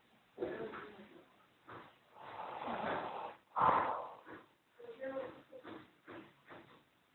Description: kurdish guy snoring in sweden...very funny....2008